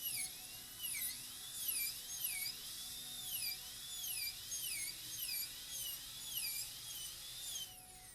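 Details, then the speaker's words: A high-speed dental drill prepares a maxillary canine of a typodont model for a PFM crown prep; its high-pitched whine rises and falls, pulsing about every half second. "Okay, so I can make a depth cut, millimeter above the gingiva."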